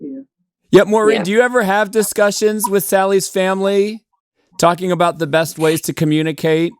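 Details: Adult speaker; normal speech.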